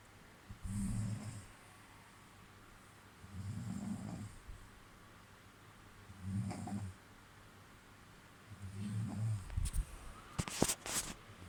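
Low, rumbling snores, about 21 a minute, with faint room noise and a few clicks near the end.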